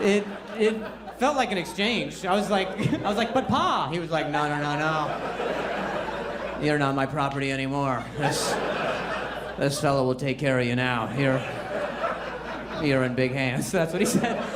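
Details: Adult male stand-up comedian with a severe stutter for over 10 years, which he ties to anxiety and links to a traumatic brain injury from being hit in the throat by a softball; stuttering.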